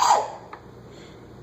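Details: A single short, sharp sneeze burst from a small child, fading quickly into a quiet room.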